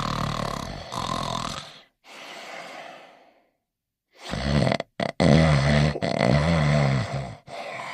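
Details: Dog (Barnyard Dawg) sleeping and snoring in his bed.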